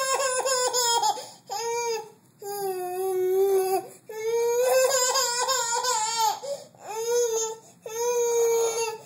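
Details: Infant crying: repeated strong, high-pitched wails with short breaths between them, a typical infant cry.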